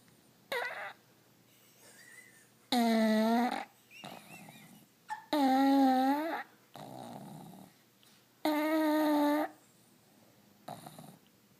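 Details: Pug snoring and twitching in sleep: loud, whistling, humming snores roughly every three seconds with softer snorting breaths between.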